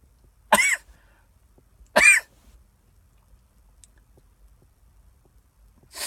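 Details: Two sharp explosive sneezes about 1.5 seconds apart with the start of a third, induced by sniffing cayenne pepper off a Q-tip, with burning sinuses and watering eyes.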